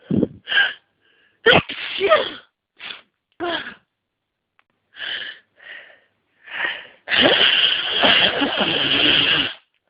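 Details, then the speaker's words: Congested adult with hay fever (trees in bloom, itchy nose, watering eyes) trying to hold back sneezes: several short catching breaths and stifled, half-held sneezes, then a long, forceful final sneeze; a sneezing fit. "I don't think I'm going to be able to hold this off for much longer it's just too it's too much oh god oh I feel try to stop it too long now actually stuck was sneeze I need to sneeze really really need to sneeze"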